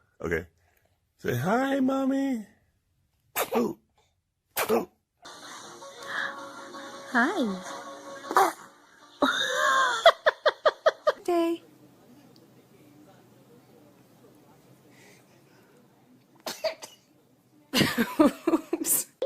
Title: Baby Sneezing Funny Moments Compilation